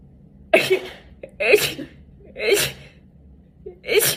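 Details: Four rapid sneezes in quick succession, about one a second, each with a short intake before the burst; repeated sneezing.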